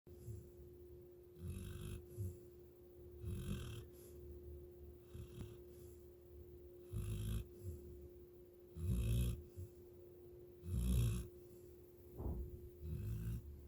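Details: Snoring: low, rumbling snores repeating about every two seconds over a steady background hum.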